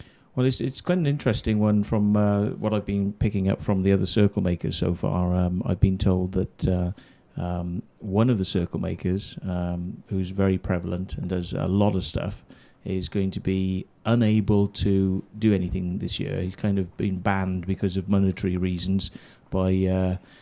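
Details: Adult man speaking; normal voice.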